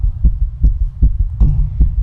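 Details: Female heartbeat, rapid muffled low thumps about 150 per minute with slightly uneven spacing; fast irregular heartbeat with skipped beats.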